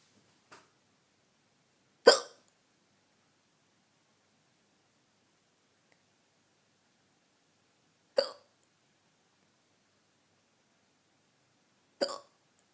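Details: Four sharp, abrupt hiccups in about thirteen seconds, irregularly spaced, in a quiet dark room while trying to sleep: hiccups.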